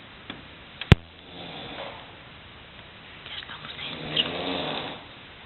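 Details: Brother snoring, which the poster jokingly blames on tobacco: two deep, rough, rumbling snores on slow breaths, with a sharp click before the first and faint room noise; loud snoring.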